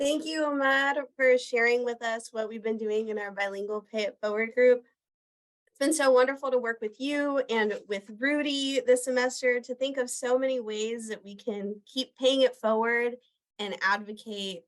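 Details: Adult woman; normal speech.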